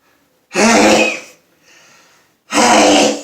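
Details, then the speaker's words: Two loud, forceful sneezes with a faint breath between, during an afternoon sneezing fit that began three or four minutes earlier, in a bathroom. "hello hey this is an afternoon sneezing fit hey i'm seeing if i can hey you hey hey hey oh i'm hiding in the bathroom because there's guys working"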